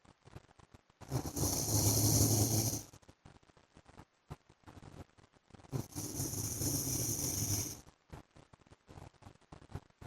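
Two long, harsh, rattling snores about five seconds apart, with crackly noise between them.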